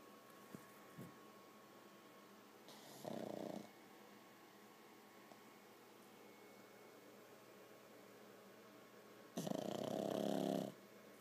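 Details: Pug dog asleep next to its owner: two loud snorting snores about six seconds apart over quiet room hum; snoring in a flat-faced dog.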